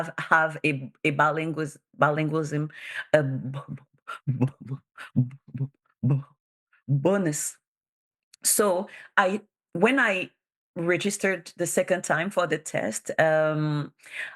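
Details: Bilingual adult woman who stutters; stuttering.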